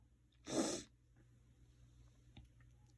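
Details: Person feeling like they have a cold: a single short, hissing burst of air under half a second in a quiet room; a sneeze.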